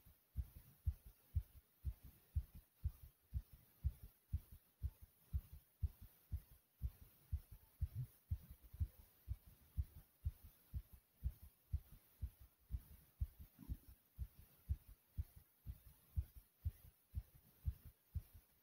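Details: Fast, strong, regular heartbeat at about 120 beats a minute, recorded right after almost 100 jumps in place; a normal rise in heart rate after exercise, sinus tachycardia.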